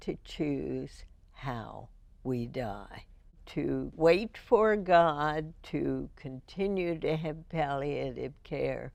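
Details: Adult female with spasmodic dysphonia diagnosed in 1998, treated every four months with botulinum toxin injections into the vocal cords; voice described as imperfect; spasmodic dysphonia.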